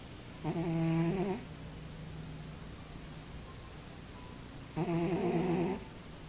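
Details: Cat snoring: two clear, vibrating snores about four seconds apart from a sleeping cat, with quiet breathing between; harmless sleep snoring.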